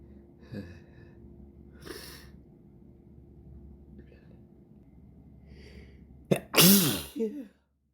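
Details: Adult with a very irritated nose, after false starts: several soft breathy build-up sounds, then a sharp catch and one loud sneeze, with low room hum in the background.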